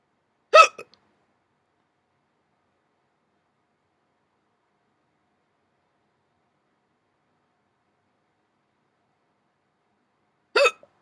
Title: Painful hiccups 20